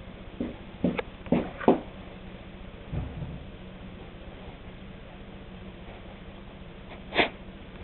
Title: Funny dog sneezes MUST WATCH!!